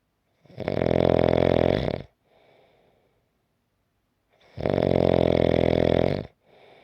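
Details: Two long, loud, rattling snores on breathing in, each followed by a soft breath out, about 15 breaths a minute: snoring.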